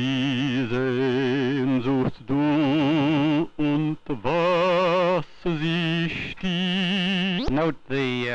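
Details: Normal adult subject singing during a cineradiography study of the oropharyngeal airway, circa 1956, with inspiration noted; normal singing voice.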